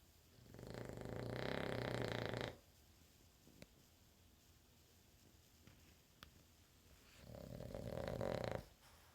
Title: Snoring digger